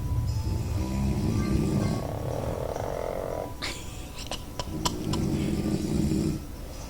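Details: Pug dog and a man snoring together: loud, low, rattling breaths on inhalation, with brief clicking sounds between them.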